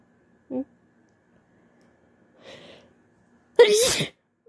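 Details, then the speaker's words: Woman with pollen allergy/hay fever after going outside: two small sounds, then a loud explosive sneeze with sharp intake and burst of air. "I went outside and my allergies are bothering me a bit. So I'm gonna try to get sneezes out."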